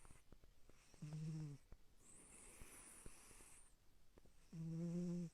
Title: Rangking The Snoring Cat Moments #cat #shorts #rangking